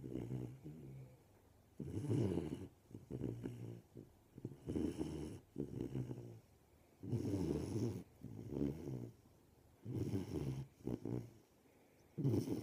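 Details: Golden Retriever puppy, 13 weeks old, asleep: low, rattling snores rising and falling with each breath in and out, several cycles in a row: snoring.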